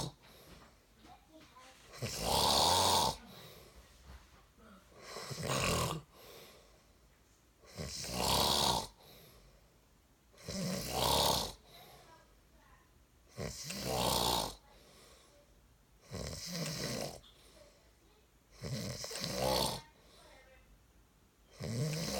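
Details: Husband snoring: loud, rattling snores repeating steadily, about 20 a minute, with quiet pauses between them; snoring.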